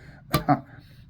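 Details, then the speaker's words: Vocal tic from a speaker with Tourette syndrome: an abrupt, loud two-part voiced grunt with no words. "apologize for my Tourette's it makes me make that noise"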